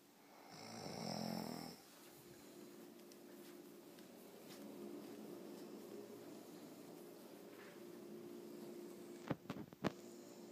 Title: Guess who is snoring?!